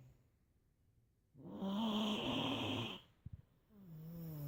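A single long, buzzing snore on breathing in, followed by a quiet pause and a soft breath: snoring.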